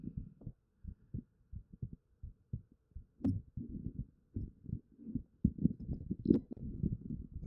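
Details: Normal heartbeat, experimental recording on a 3Dio binaural microphone in a noisy house, preceded by soft comforting spoken words.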